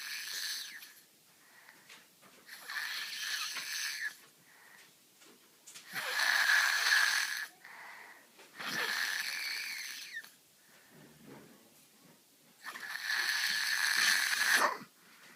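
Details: Three-year-old boy with glue ear, enlarged tonsils and adenoids, moderate hearing loss and language delay, snoring loudly in sleep; harsh, hissing snores about every three seconds: snoring with obstructive sleep apnea.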